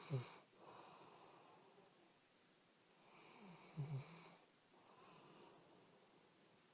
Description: Happy snoring ljke the rest of us